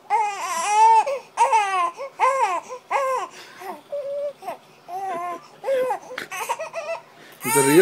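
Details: Repeated high-pitched infant crying in rising and falling wails, a fussy baby said to have colic, before gripe water relief; infant crying (colic).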